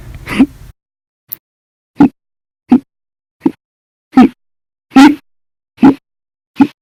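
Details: Hiccups after breakfast, lunch and dinner, described as violent, loud, silent and minute: after a breath, nine sharp gulping hiccups about every 0.8 seconds; audio only.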